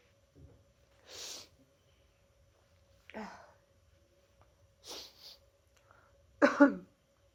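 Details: Several sharp, explosive sneezes separated by quiet pauses in a small room, during the person's annual cold, held in all day at work: sneezing.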